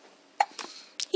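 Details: Young girl with hiccups: short, abrupt gulping catches in a quiet room.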